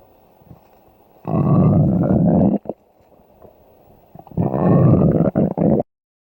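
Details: Stomach growling, jokingly attributed to hunger: two long, low gurgling rumbles, each over a second, with quiet room noise between.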